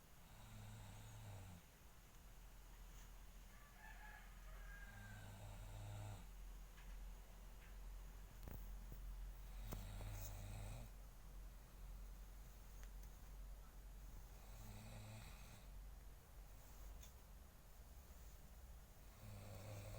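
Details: Sleeping father snoring while a young girl tries to wake him: low, rumbling snores about every five seconds, roughly 12 a minute, against steady room noise, with faint high sounds in between; ordinary snoring.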